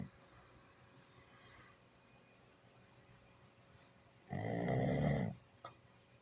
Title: my #pittie astro snoring like a human 😂 #pitbull #pittienation #pitbulllove